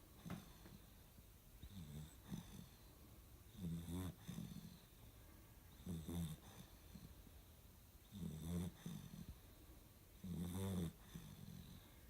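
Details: Ordinary sleep snoring: soft, low rumbling snores repeating about every two seconds in a quiet room.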